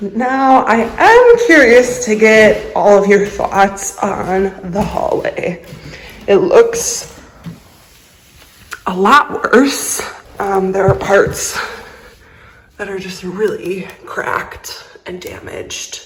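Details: Voice tremor in a woman with a lifelong vocal disorder she describes as a medical condition, not caused by nerves, emotion or illness.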